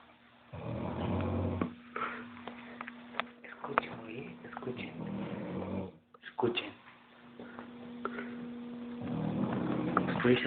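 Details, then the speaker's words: Adult man asleep, recorded by friends: two loud, rattling, low-pitched snores, likened to a hippopotamus, with quieter room noises, clicks and a steady hum between them; snoring. "Está cabrón. Está roncando, güey, como el popótamo."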